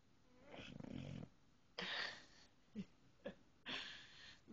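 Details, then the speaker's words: Several noisy, rattling breath sounds with short snorts between them: snoring. "you're snoring. Brady, you're snoring."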